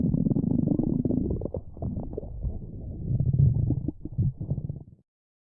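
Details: Low, rolling gurgles and grumbles lasting several seconds; stomach rumbling (borborygmi) from gas and fluid moving through the gut.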